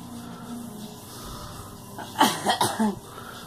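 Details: Three or four quick, loose cough bursts from a girl over low room noise; cough.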